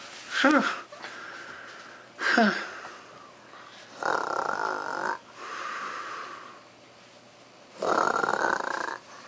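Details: Person snoring while asleep: repeated rough, fluttering snores with hissing breaths between, roughly thirty a minute, irregular.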